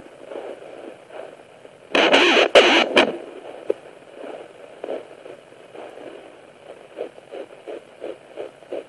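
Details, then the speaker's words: Home fetal Doppler at 9 weeks 4 days of pregnancy: static hiss and a loud probe scrape, then a fast, regular, galloping whoosh of fetal heartbeat at about 160–170 bpm, with swishing blood flow. This is the fetal heartbeat on Doppler. "you will hear the baby's heartbeat which sounds like a fast galloping sound"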